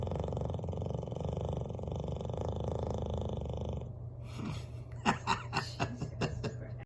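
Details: Sleeping bulldog by the fireplace: loud, rough, rumbling snore followed by a few short snorts and clicks; snoring.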